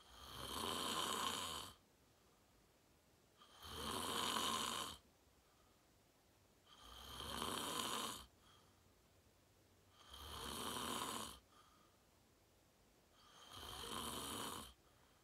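Loud, harsh snores on each breath, about 19 a minute, steady and evenly spaced with quiet gaps; snoring.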